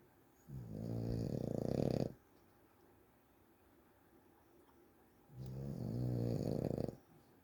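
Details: Snoring during sleep: two long, loud, vibrating snores on the in-breath, about five seconds apart, with silence between.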